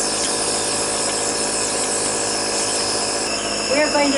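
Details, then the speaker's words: Hand-operated bicycle pump driving a nebulizer with 3 cc albuterol in a demonstration for child asthma treatment: steady loud hissing, rushing air and fast rhythmic pumping, then a brief voice; nebulizer in operation. "now first dr herman is going to show how effective it is to nebulize with albuterol three cc's with the bicycle pump"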